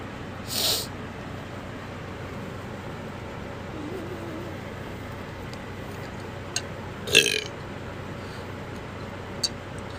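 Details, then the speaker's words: Burping during a bout of hiccups: two short throaty bursts against a steady background hum. "Hiccups and bumps. Hiccup burp."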